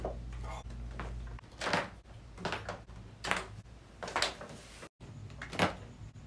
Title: 【QUICK】back cracks compilation (part1)